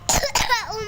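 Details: A first-grade child with flu and cough gives a single short, harsh cough that breaks into her singing of a sholawat.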